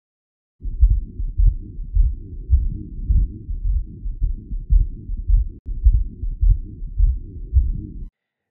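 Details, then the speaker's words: A real patient with aortic stenosis, heard at the apical area: regular low heart sounds near 105 a minute. A soft fourth heart sound (S4) comes just before S1, from atrial contraction against a stiff, hypertrophied left ventricle. "this sound occurs just before S1 and is due to atrial contraction against a stiff and hypertrophied LV"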